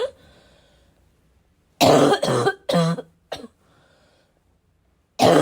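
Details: Quick run of about five loud, harsh, barking coughs with rough chesty quality, productive-sounding; self-described as a little wheezy, a little chesty, barking as always, within a 5-minute bad coughing fit: chesty barking cough.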